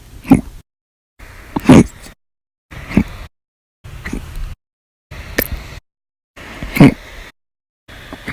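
Seven short, abrupt gulping sounds about one second apart, each cut off sharply: repeated hiccups.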